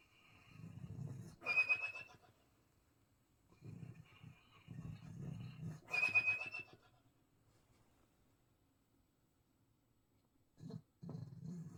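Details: Snoring in a sleeping chocolate Labrador: irregular low rumbling breaths with two whistling, squeaky snorts about four seconds apart.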